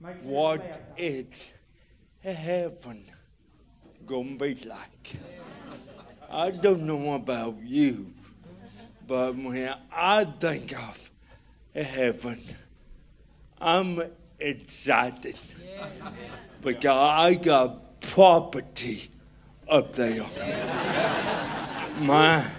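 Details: Adult man with cerebral palsy, described as hard to understand in places; dysarthria (cerebral palsy).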